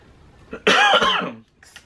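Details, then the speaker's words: A single loud, harsh cough from an adult woman, with a faint throat sound before it; she says her coughing is out of control and she does not smoke. "me I'm so sorry about that my coughing is like out of control I sound like an 80-year-old smoker I don't even smoke"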